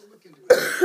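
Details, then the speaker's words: A single abrupt, harsh cough from an adult woman whose voice is hoarse from coughing, after a moment of near-silence. "you have to excuse my voice my coughing I can barely talk"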